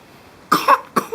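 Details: Young child playfully imitating mother's cough: after a quiet moment, two short breathy cough-like bursts, an imitation rather than a real cough.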